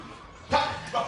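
An actor makes a brief, sharp barking sound, a vocal tic of Tourette syndrome.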